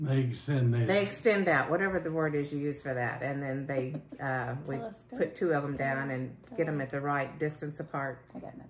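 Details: Adult woman speaking; typical speech.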